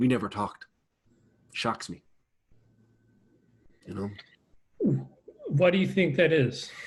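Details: Adult man with a lifelong stutter, a person who stutters, speaking in a real conversation: stuttering.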